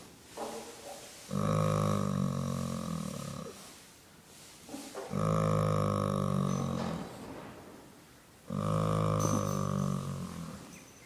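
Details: Resting horse: three long, loud, droning rumbles, each about two seconds, with quieter breaths between; horse snoring.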